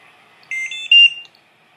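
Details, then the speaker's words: Trilogy BiPAP ventilator being set up and powered on, plugged into oxygen: short high-pitched alarm tones rising to a louder sustained beep, before it starts ventilating on the previously set settings. "going to start by reading the alarm um and then it's gonna automatically start ventilating on the previously set settings before you turn it off"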